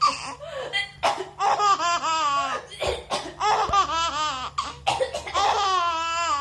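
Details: Brief dry voluntary coughs from someone nearby, each followed by an infant's bursts of high, bubbly laughter; an ordinary, harmless exchange.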